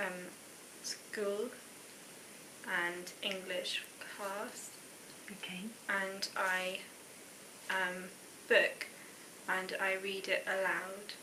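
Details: Real 19-year-old woman with aphasia after a stroke the previous year: non-fluent (expressive) aphasia.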